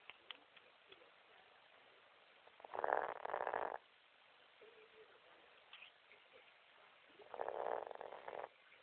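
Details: Dog snoring while asleep: two rattling, fluttery snores about four seconds apart in a quiet room.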